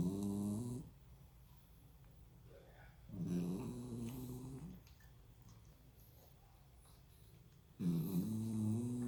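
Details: Loud, rattling snores from a dog sleeping on its back, two breaths with quiet pauses between; ordinary dog snoring.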